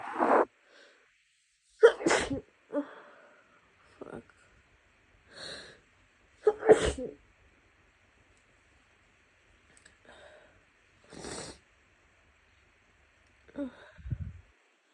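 Several wet, forceful sneezes separated by sniffles and a final nose blow, fitting sneezing with nasal congestion from a cold.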